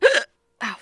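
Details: Hiccups from a streamer who had them for about 1.5 hours and describes them as painful; has had hiccups all their life; trying remedies such as hugging knees to chest.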